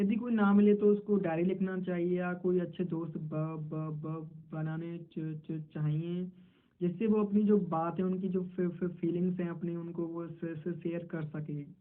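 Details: Male self-described person who stutters, speaking Hindi while role-playing a stammering interview; stuttering with part-word repetitions.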